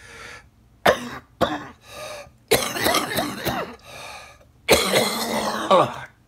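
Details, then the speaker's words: Person sick for over a week with congestion, suspects coronavirus, cough worse and disturbing sleep despite medicine: several harsh, loose, congested chest coughs with throat clearing and groaning between them. "i went to the store today but i bought some medicine and uh i was hoping it would break up the congestion but i always need to cough and it's really hard to sleep with him when"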